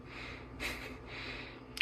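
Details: Newborn baby boy snorting after a failed burp, alongside sneezes and hiccups: soft airy snorting breaths through the nose, with one brief louder snort, in a quiet room.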